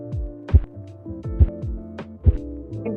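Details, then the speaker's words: Phase two Korotkoff sounds during manual sphygmomanometer blood pressure measurement at the brachial artery: three regular soft thumps with a slight swishing tail, about 69 a minute, over a steady musical hum. "in phase two a slightly louder swashing sound is true and it sounds like this"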